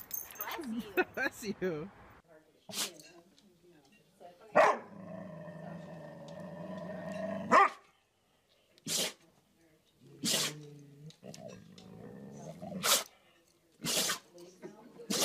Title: Funny Dogs Sneezing HD 2016